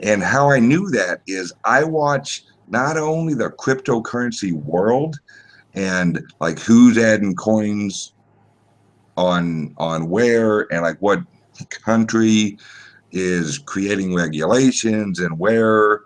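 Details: Speech impediment (disfluency), type unspecified, self-reported by a male guest.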